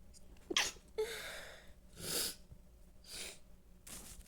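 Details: Sneezing: a series of four or five quick, hissing sneezes in a quiet room.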